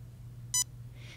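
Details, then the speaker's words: Dental diode laser for soft-tissue and hygiene procedures: a single short high-pitched beep over low room hum, heard immediately on pressing the finger switch; the laser activates only after about 1/3 second of pressing. "when you press the finger switch you will hear an immediate beep tone but the laser will not yet activate until you press press the switch for approximately 1/3 of a second"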